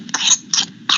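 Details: Paroxysmal whooping cough (pertussis) in an infected child: three sharp coughs in quick succession, part of a coughing fit.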